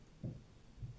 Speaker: Rupture of iotic sinus of valva into right-sided cardiac chambers is another cause of continuous murmur.